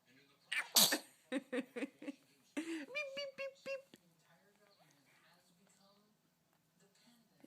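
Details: Burst of sharp sneezes, one loud then several quick smaller ones, followed by short nasal snorts; repeated sneezing.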